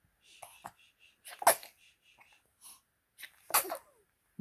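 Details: Newborn baby boy, being settled to sleep before a road trip, gives two small, sharp sneezes with soft breathy sounds between; an ordinary infant sneeze.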